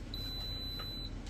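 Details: Single steady high-pitched beep about one second long over low room hum as a Terumo TE-SS730 syringe pump is switched off by holding the power button.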